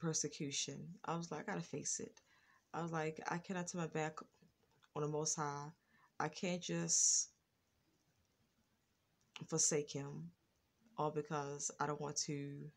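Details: Adult woman with a lifelong stutter, once more severe with throat blocks, ticking noises and pauses, now more controlled. Stuttering.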